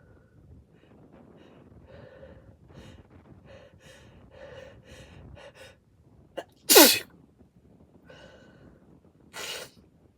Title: Really wet sneezes (M)